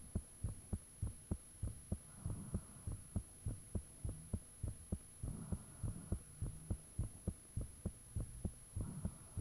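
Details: Self-recorded own heartbeat with fan off, taken shortly after heart began feeling unusually thumpy; loud regular thumping about 102 a minute, faint whooshing between beats, steady high tone behind. Heart sounds.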